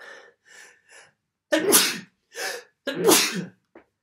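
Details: Induced sneezing on December 1st, 2021: quick breathy inhalations building to two forceful sneezes with a short catch afterward, followed by nose-blowing at the end.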